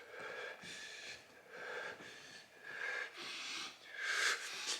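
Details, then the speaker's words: Loud, effortful, noisy breathing at about 45 breaths a minute, by an adult demonstrating breathing during an asthma attack: imitated laboured breathing. "I'm breathing loud, right? So this is normal at this moment."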